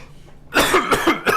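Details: After a quiet moment, an adult makes a rough, gravelly run of throat-clearing bursts, acted for comedy as a coworker who clears his throat every 90 seconds.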